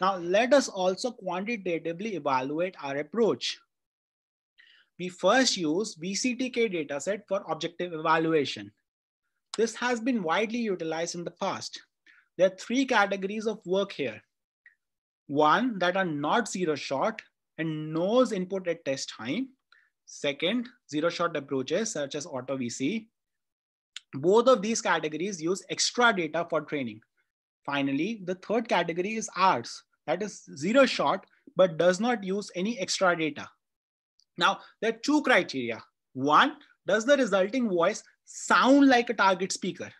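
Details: Adult speaker; ordinary speech.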